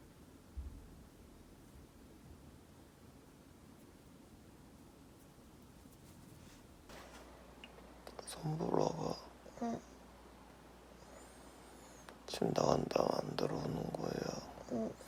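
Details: Adult husband asleep at night, passing gas without context: after a quiet stretch, several buzzing, rasping bursts of flatulence.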